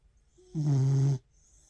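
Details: A single low, steady rumbling breath lasting about half a second during sleep: snoring.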